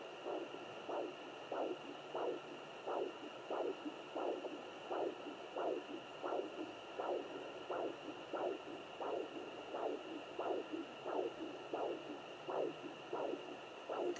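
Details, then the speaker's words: Home fetal Doppler attempt: regular whooshing pulses at about 90 a minute over steady device hiss; unsure whether the heartbeat is the mother's or the baby's. "I think I hear something. I don't know if that's mine or if that's the baby's."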